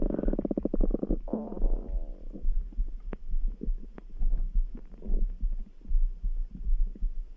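Gurgling, bubbling stomach rumbles with a long grumble at the start, over faint steady thumping of a heartbeat; normal bowel sounds.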